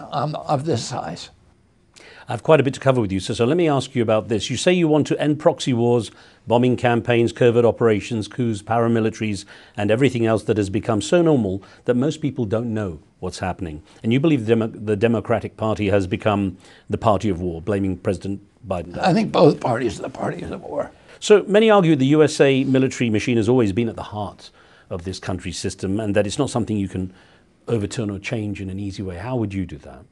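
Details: Adult male interviewer; typical voice.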